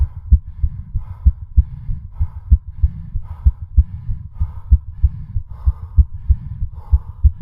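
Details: Fast, regular heart sounds with rhythmic heavy breathing bursts, recorded during a home stationary-bicycle cardiac stress test continued until exhaustion; exercise-induced tachycardia.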